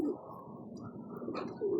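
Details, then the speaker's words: A young pigeon with respiratory rattle (halak) during the rainy season, breathing abnormally and not yet eating: a low, continuous, rough rattling noise. "Mapansin niyo umiingay-inga siya. Oh yan tinamaan ng halak mga birtkada."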